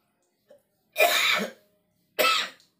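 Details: Cough in an adult man unwell with a chill, aches and a cold during rainy weather, at dawn during kerokan skin scraping by his wife: two harsh, forceful coughs in a quiet room, the first longer and throaty.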